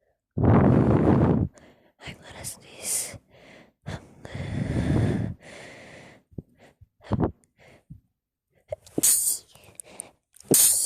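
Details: Woman's sneezing fit while speaking: repeated sneezing bursts with sighs, gasps and snorts between them; she says she can't control it and can't breathe well.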